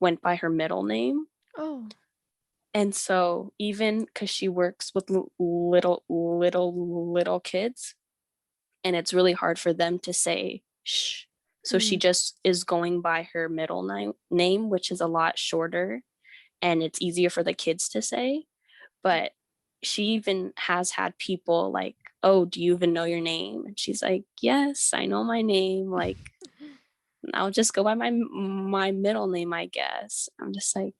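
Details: Teenage girl who stutters and attends speech therapy; word and part-word repetitions heard; stuttering.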